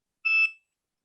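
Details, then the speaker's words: Insulin pump alarm from a participant during a live diabetes discussion on women's health: a single short, high-pitched electronic beep. "I love hearing alarms. It makes me, if you've never been to a diabetes event in person, it's one of the things that makes you feel so normal hearing other people's alarms and the things. So thank you so much to, I think, Marina's pump for doing that for us."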